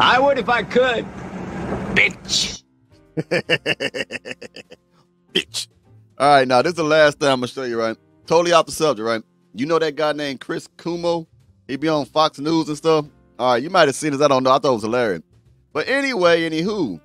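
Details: Adult man speaking, with a brief replayed clip and music at the start; normal adult speech.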